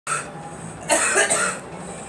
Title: Girl coughing